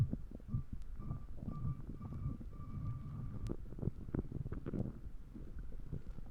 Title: Stomach Growling Loud Sound effects